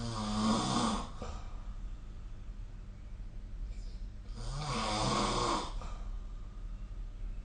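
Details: Snoring recorded with the SnoreLab app: two long, deep, rattling snores a few seconds apart over low room hum.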